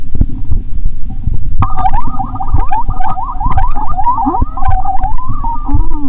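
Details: Stethoscope on own abdomen around noon while very hungry; stomach sounds heard even near the heart; bubbling gurgles with wavering high-pitched squeals over low rumbling: active bowel sounds (borborygmi).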